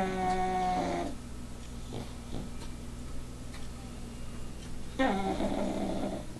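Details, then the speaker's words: Dog (Daisy) asleep in a chair snoring loudly while another dog watches: two low, buzzing, tonal snores about four seconds apart with faint room noise between; snoring. "Yes, this is your sister snoring up a storm."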